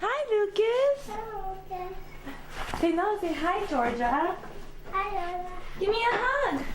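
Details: Echolalia in a toddler with autism, interacting with an adult.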